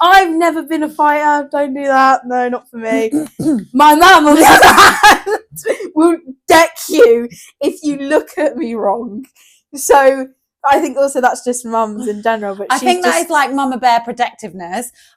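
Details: 17-year-old girl, nearly 18, with Tourette syndrome including vocal and swearing tics (coprolalia), in conversation with her mother. Vocal tics in Tourette syndrome.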